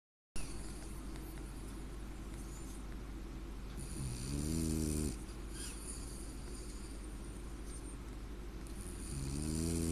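Low, rattling snores on inhalation rising out of steady background hiss, with quiet pauses between breaths; ordinary snoring.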